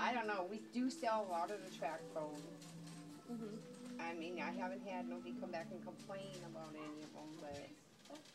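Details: Adult; typical speech.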